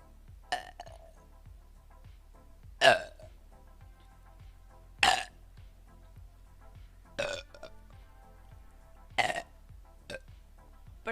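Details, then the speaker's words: Person belching after having a lot of gas inside: six loud burps about every two seconds over soft background music. "tenía muchos gases dentro poético lo sé"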